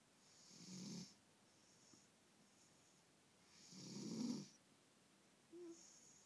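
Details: Sleeping cat snoring like a person: two soft, low rumbling snores with a hissy edge, about three seconds apart.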